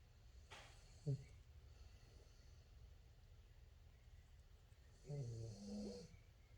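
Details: Dog named Saxton snoring after playing hard: soft, low snorting snores at a slow pace over quiet room noise, typical sleep snoring.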